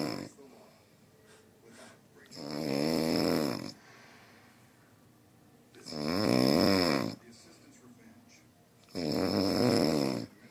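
Loud, deep, vibrating snores about every four seconds, roughly 18 a minute, with quiet pauses between.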